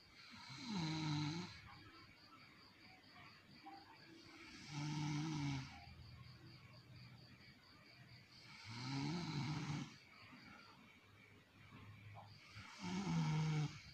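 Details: Mother snoring in sleep: regular low, buzzing snores about every four seconds, roughly 15 breaths a minute, with a faint room hum.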